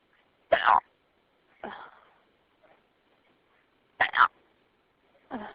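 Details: Hiccups in an adult after an evening out drinking a couple glasses of wine: four short, abrupt bursts at uneven gaps in a quiet room.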